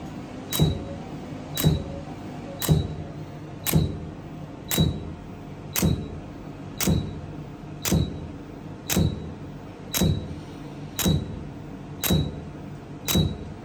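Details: Laser hair removal treatment: regular sharp clicks, about 57 a minute, each with a short beep as the device fires pulses.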